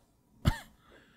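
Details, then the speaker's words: Simulated cough in an ASMR boyfriend roleplay: a sick male with a 102 temperature who calls it just a cold gives a single short, deep acted cough in a quiet room. "attractive way of coughing look it's just a cold I'll take some Advil and it'll be be fine"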